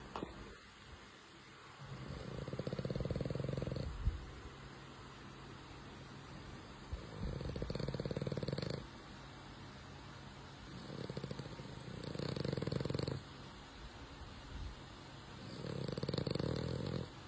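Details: Young French Bulldog snoring while asleep, regular low rattling snores about every four to five seconds, roughly 13 a minute, over faint room noise.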